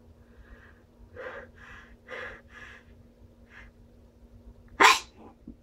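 Several rising breathy inhalations build up, then one sharp explosive sneeze followed by a couple of small after-sounds; a normal sneeze with buildup.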